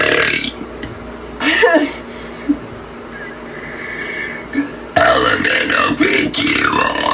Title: Burp contest A-Z #burp